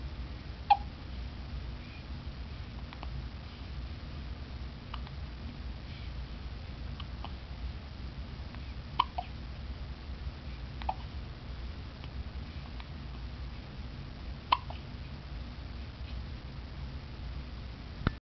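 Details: 3-day-old baby girl: faint, brief, sharp hiccup sounds at irregular intervals, about five in eighteen seconds, over steady low room hum; a fit of hiccups.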